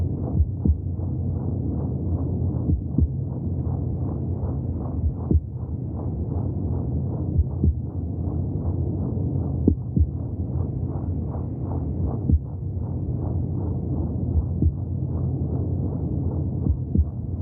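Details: Muffled, rapid, pulsing whooshes over a steady low rumble: fetal heartbeat heard through the womb.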